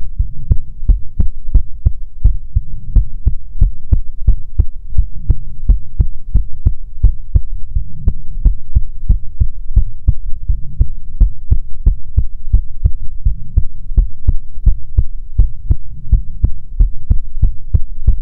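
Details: Heartbeat recorded for ASMR relaxation: steady, regular low lub-dub beats with a soft hum underneath; ordinary normal heartbeat.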